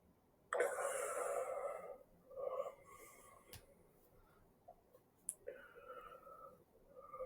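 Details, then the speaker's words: Adult man before jaw surgery for obstructive sleep apnea, recorded asleep: after a 35-second apnea rated about 7/10 severity, a loud deep gasp then several heavy, uneven huffing breaths as breathing restarts. "So, you can hear that I'm really huffing and puffing here. Um, just like I've been holding my breath for 35 seconds."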